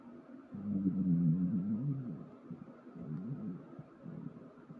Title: Stomach Growling